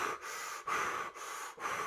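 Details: Deep, rapid, forceful breaths, about 95 a minute, with no pause: Kussmaul respirations in a 54-year-old man with diabetic ketoacidosis and high blood sugar, responding only to pain, in an EMS case study.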